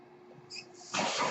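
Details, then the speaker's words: Speaker's own mechanical ventilator, heard in the background while the user talks during a podcast recording; a mechanical ventilator breath cycle. "hello everyone my name is that noise you're hearing is my ventilator"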